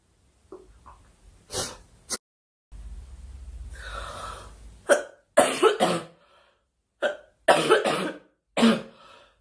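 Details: A girl, who says she is sick and wants the coughing to stop, gives several short coughs with a throat clear and a breath between, in a quiet room; cough.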